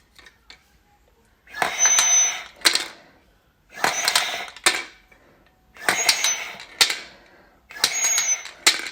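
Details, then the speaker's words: Forceful, airy breaths in and out through a breathing trainer, with clicks and rattles from the device, about four cycles in nine seconds. An adult recovering from COVID-19 is doing daily respiratory rehabilitation exercises. "Por exemplo, nós temos que esse aparelho aqui, aspirar e expirar, né? Então, vamos lá."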